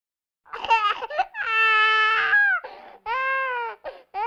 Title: Baby Complaining , Cooing, Crying Laughter Playing sound Effects